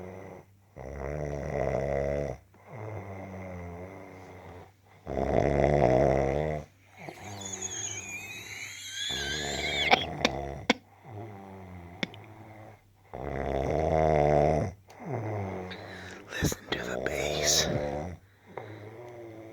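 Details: Loud, deep rumbling snores from a sleeping dog, roughly eight breaths in twenty seconds, with faint background noise; snoring.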